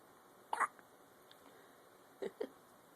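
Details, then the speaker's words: Three short, sharp hiccup sounds from a dog within three seconds, over a quiet room: hiccups. "got the hiccups, little man?"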